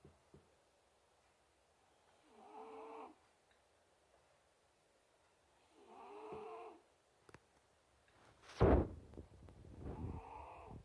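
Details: Snoring in a sleeping pet: slow, regular snoring breaths about every four seconds, with a brief knock in between.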